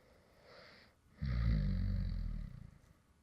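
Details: Light snoring recorded when the creator really fell asleep while recording a previous video: a soft inhaled breath, then one deep, rumbling, vibrating snore lasting over a second; snoring during sleep.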